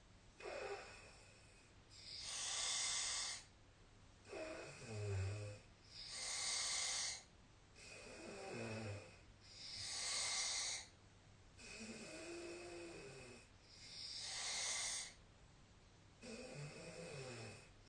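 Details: Nightly sleep recording from the SnoreLab snoring app: regular snoring, about 16 breaths a minute, with harsh noisy breath sounds and low rattling vibration.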